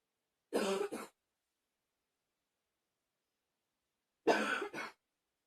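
Two double coughs a few seconds apart, each a harsh burst with a quick second expulsion, in a quiet room.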